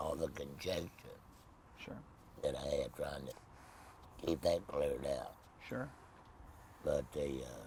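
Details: Tracheoesophageal speech in an adult man after total laryngectomy, no voice box, speaking with a Provox voice prosthesis.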